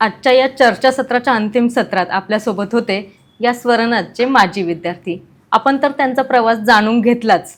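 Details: Adult woman speaking Marathi; normal fluent speech.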